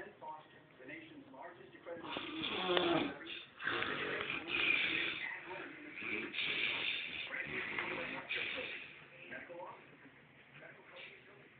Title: The Snoring Beast